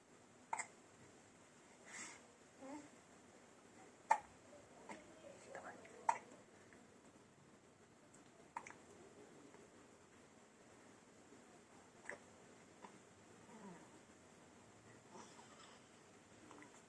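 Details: A baby with hiccups makes soft, brief repeated catches about two per minute, with quiet whispering in a small room. A drop of lemon juice was used to stop them, later learned to be not recommended.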